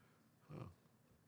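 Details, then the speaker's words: Sleeping pet snoring; a single brief, low, rumbling snort-like breath above quiet room noise: snoring. "You can hear Bella snore from your house. Her motor is running."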